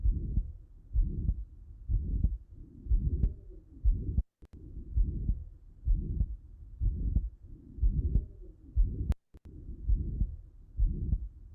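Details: Pulmonary systolic ejection murmur with loud P2.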